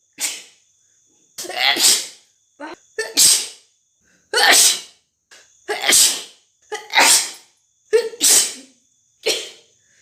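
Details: Rapid run of about eight sharp, hissy, wet spraying sneezes over ten seconds, separated by brief silences: repeated sneezing.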